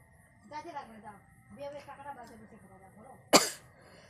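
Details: Voiced breathy sounds, then one sharp, explosive sneeze, during a requested nose sneezing and blowing challenge in hot weather, with watering eyes from repeated sneezing.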